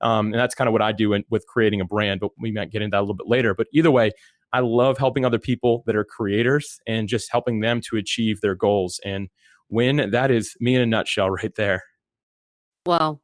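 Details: Adult man; normal speech.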